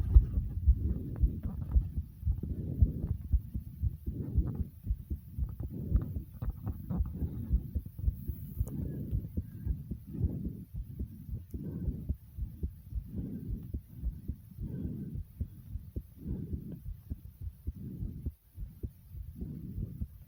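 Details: Own heartbeat recorded after running in place for a few minutes, possibly over the stomach: rapid, regular low thumps at about 110 a minute under deep, quick, heavy breaths, a fast heartbeat after exercise.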